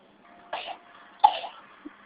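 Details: Pet bird coughing, which the owner says sounds terrible: two short, raspy cough-like bursts in a quiet room.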